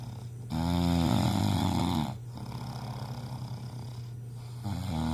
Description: Wife can't sleep from husband snoring loud.